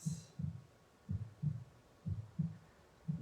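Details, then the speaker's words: Steady paired lub-dub heart sounds at about 60 beats per minute over a faint hum, played as background during a guided meditation; a normal heartbeat. "and you may note the sound of the heartbeat in the background so with your next breath in you may want to bring one or two hands to your chest to your heartbeat be aware of your own beating heart"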